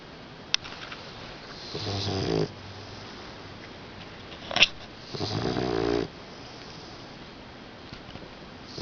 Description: my 4 month old puppy snoring